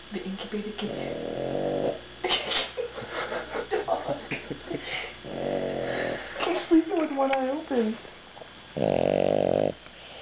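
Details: Dog snoring after eating a big meal, asleep with one eye open: repeated rumbling, buzzing snores on the breath, with background voices.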